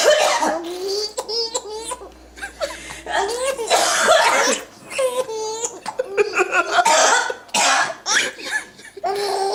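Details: An adult's coughs, from the mother about to feed her baby, mixed with the infant's bright laughing and squeals in a small room; a plain cough that makes the baby laugh: cough.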